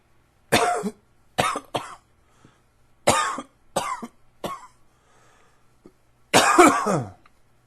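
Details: Six separate harsh, dry cough bursts, some single and some paired, with short quiet gaps between, in allergy-related coughing.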